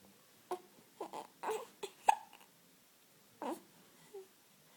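Quiet, brief, abrupt catch sounds repeated at short intervals among soft baby noises; hiccups.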